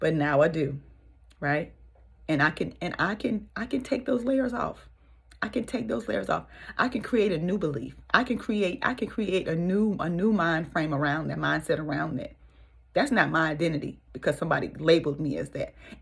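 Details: Adult woman with stuttering since childhood, severe then and milder now, worse when nervous or excited, with frequent hesitations; stuttering.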